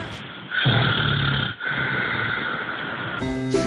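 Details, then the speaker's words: An adult man snores loudly at night, loud enough to be heard in another bedroom and to disturb his household. "C'est monsieur qui ronfle et ça dérange un peu, oui. On l'entend jusqu'à notre chambre avant."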